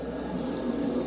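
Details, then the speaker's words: Ventilator air compressor located beneath the unit switching on after the ventilator is powered from its rear button: a steady low mechanical hum and hiss during normal start-up. "और नीचे एक compressor है।"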